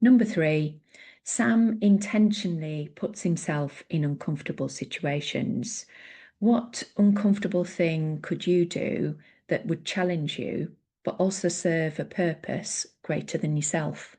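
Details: Adult woman speaking; normal fluent speech.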